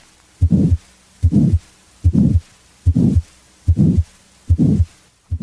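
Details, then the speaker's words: Crescendo-decrescendo systolic murmur of aortic stenosis: a regular heartbeat near 73/min with a harsh murmur that rises then falls in intensity each beat. "a crescendo decrescendo murmur as heard with aortic stenosis first rises in intensity then falls"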